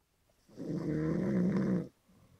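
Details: A person snoring loudly while asleep in a parked car at a gas station after the engine was switched off: snoring.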